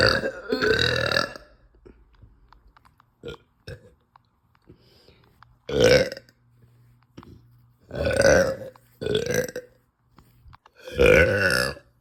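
About five loud, drawn-out belches with quiet gaps between them: repeated burping as swallowed air and gas escape the stomach.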